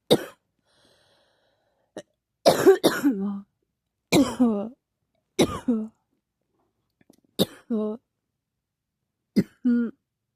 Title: ugh cough cough cough